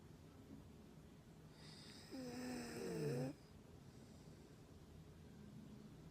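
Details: Dog that recently began snoring loudly, asleep: one loud rattling, whistly snore over steady background hiss.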